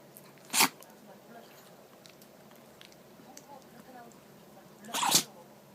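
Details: Chihuahua sneezing nonstop after pressing its nose into the carpet and sniffing, apparently getting something fine inside: two sharp sneezes about four seconds apart with faint snuffling between; sneezing.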